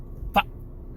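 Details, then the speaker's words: Man with Tourette syndrome produces vocal tics while talking; vocal tic. "and if you can see from me trying to Bane my car I have Tourette Syndrome"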